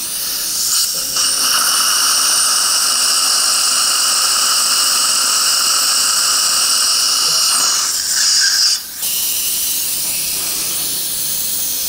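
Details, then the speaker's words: 29-year-old male, immediate implant placement after extraction at tooth #25 with bone graft: steady high-pitched drill whine, then stopping, as the site is prepared for a 4.5 mm diameter implant; dental implant drilling. "4.20 by 10 millimeter final drill is going to be used at the 4.5 diameter implant is going to be placed"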